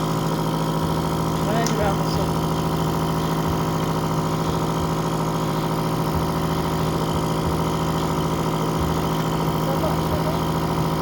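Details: Steady motor hum with a rapid pulsing drone from a newly unboxed suction machine being tested at regular pressure for phlegm suction, with faint voices in the room; suction machine running.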